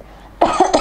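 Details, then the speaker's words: Deliberate pretend cough by an adult wearing an LG PuriCare powered face mask, muffled by the mask, with the mask's small fan whirring louder right after to boost airflow. "did you hear that? when I cough, the fan works and noisy it means the fan is working and you can feel soft wind inside so just pretend cough or sneeze the fan will work"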